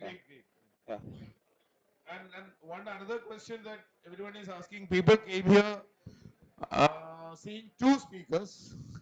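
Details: Adult male speaker; Normal voice.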